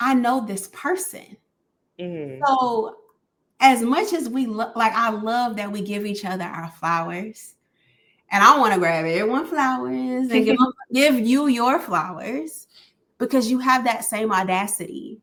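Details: Adult woman speaking; normal speech.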